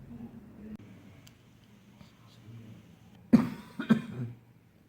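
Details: Two short, forceful coughs near the end in a quiet room with low hum, during a prayer urging a discouraging spirit to leave through coughing; an ordinary cough.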